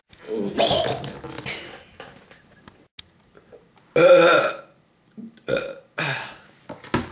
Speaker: 100 burps in 20 minutes let's get cracking